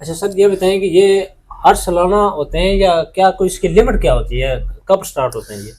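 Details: Adult speaker; Normal voice.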